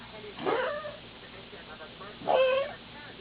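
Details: 13-year-old Toy Poodle diagnosed with heart disease about 1–2 years earlier, treated with Fortekor and furosemide, with a sudden bout of persistent coughing: two short, squeaky hacking coughs, heart-related rather than from a collapsed trachea.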